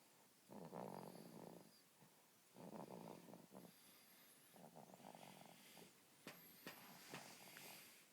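Soft, rough rattling breaths recurring about every two seconds, with faint birdsong behind; an infant snoring.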